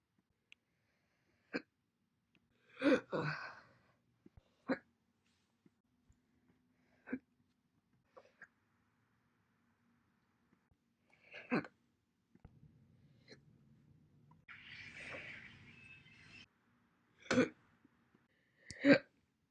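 Brief, sharp, isolated hiccup sounds at irregular intervals, some with a soft voiced catch, against a quiet background with brief rustling.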